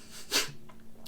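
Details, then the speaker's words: Adult with Tourette syndrome, facial tics and muscle spasms, who often "takes breathers" while talking; a single abrupt, forceful nasal sniff or snort-like breath: vocal tic. "i have tourette syndrome um i have facial tics i have a muscle spasms there's times where i i like like what you just saw literally a second ago i take breathers uh a lot"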